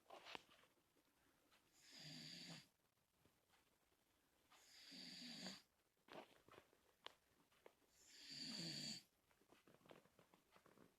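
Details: Three hissing, whistling snores roughly three seconds apart, with soft snuffling sounds between them.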